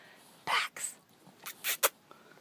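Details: Pet dog sneezing while begging for a treat and being told to speak: a few short, sharp, snorty nasal bursts in a row; sneezing.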